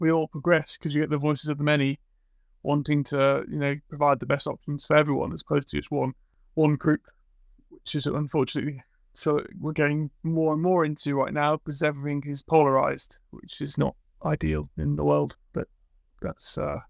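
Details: Adult male speaker; typical speech.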